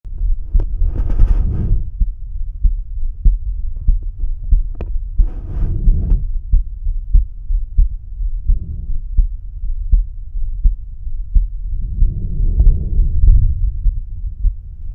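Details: Heart sounds heard with the stethoscope bell over the aortic area: low, regular thumps at about 94 per minute, from a self-recorded cardiac auscultation.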